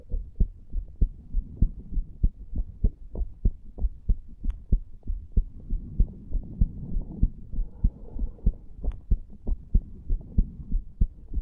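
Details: 34-year-old male lying on a bed, stethoscope over the tricuspid area, in a self-experiment on cigar nicotine and "green stuff": steady, brisk, regular lub-dub normal heart sounds with a low background hum.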